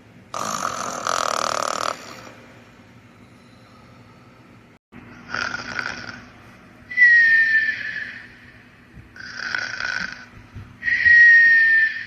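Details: Simulated cartoon snoring from animated sleeping characters (Higglytown Heroes): loud rasping inhalations alternating with whistling exhalations, about four per half-minute.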